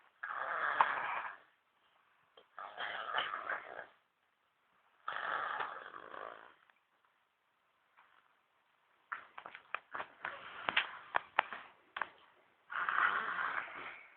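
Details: Snorting, rattly breaths in an uneven rhythm, some broken into quick fluttering bursts, from a sleeping baby with a narrowed nose or throat; baby snoring.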